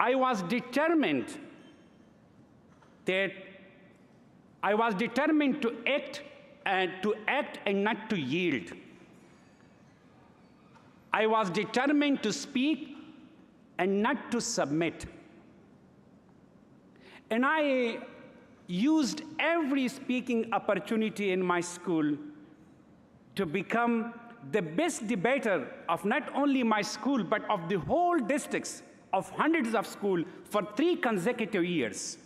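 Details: Adult man, stuttering since early childhood, giving a public award acceptance speech in English; stuttering.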